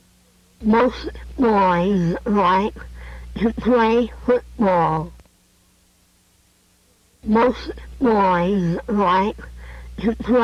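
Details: Adult cleft palate speaker producing co-articulated glottal stops, valved at two places at once with the glottal place effective.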